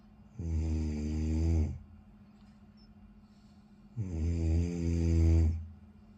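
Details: Loud habitual snoring: two long, low, rumbling snores on inspiration, each over a second, with a soft hum in the room.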